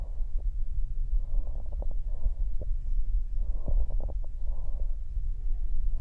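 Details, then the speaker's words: Bronchial breathing over the chest wall, described as occurring with atelectasis or pulmonary consolidation that transmit breath sound without damping: harsh, hollow, blowing breath sounds. "las atelectasia confederaciones y feroces pulmonares transmiten el sonido de la respiración sin distracción por lo que se apunta como una represión soplan te"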